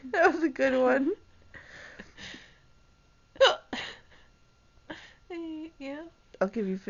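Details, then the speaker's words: Person with hiccups: several short, sharp voiced hiccup sounds with quiet gaps between them, soft hum in the room background. "so what's wrong I have the hiccups give me a good one"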